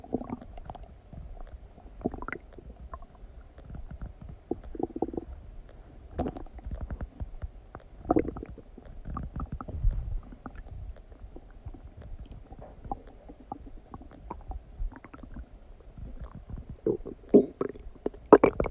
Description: Stomach digesting noises after eating some donuts